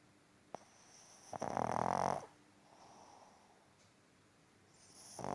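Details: Pug, a flat-faced dog, snoring: one loud rattling snore lasting under a second, then a softer breath and the next snore starting.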